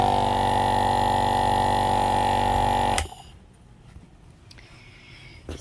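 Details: Loud steady mechanical hum and buzz of a running nebulizer air compressor, played for a noise comparison between two machines, stopping abruptly after three seconds, leaving quiet room noise.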